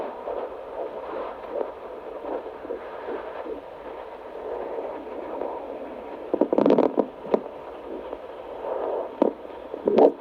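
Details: Soft, rapid whooshing fetal heartbeat of a baby girl through a Doppler probe at a doctor's visit, broken by louder scraping bursts as the baby moves.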